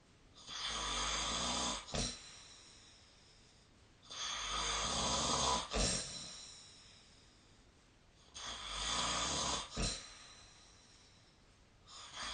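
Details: Sleep snoring recorded with the SnoreLab app: harsh, rasping snores with each breath, about three in 12 seconds, each ending in a short snort.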